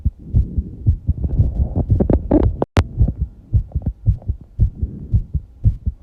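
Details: A person's fast heartbeat after exercising, with heavy breathing: rapid, regular low thumps at about 115 beats a minute, with some rustling and a brief click.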